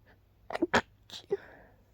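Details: Suppressed sneezes after waking, kept quiet so as not to disturb others: quiet, clipped bursts with short catches of breath, held back through a closed mouth.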